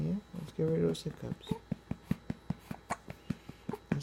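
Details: Brief human voice at the start, then a rapid, very regular run of soft clicking jerks, about five per second, from a pet with hiccups that keep it from sleeping.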